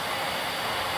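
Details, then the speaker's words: Philips Respironics REMstar Auto A-Flex CPAP machine with circuit disconnected: steady rushing hiss of free-flowing air, no alarm yet; disconnection alarm expected after about one minute. "we explain one of the feature that once very is for example a disconnection the machine will give you an alarm so as you see now there is this connection"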